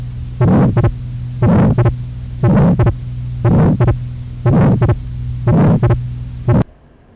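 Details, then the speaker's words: Atrial septal defect lecture example, replayed: regular heart sounds about 60 per minute with the second sound split into two close taps every beat, a wide fixed splitting unchanged with respiration from increased pulmonary flow. "Fixed means a constant splitting regardless of inspiration or respiration. So it's called a fixed splitting of a second sound."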